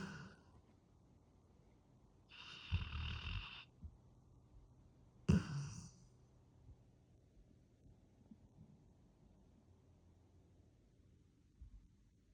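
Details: Two rough, noisy breath sounds with quiet pauses between them, fitting snoring during sleep.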